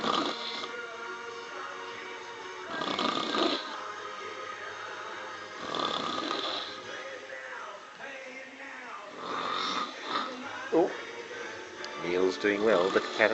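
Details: Woman asleep and snoring after several alcoholic drinks while a Neil Diamond concert plays: loud rasping snores recur every few seconds over the music, with some overlapping noise.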